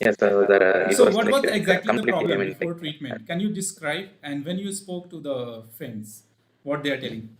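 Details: Adult male with puberphonia (previously high-pitched, female-like voice with occasional dual voice), recorded after voice therapy, now reports a stable voice; finding: puberphonia after voice therapy.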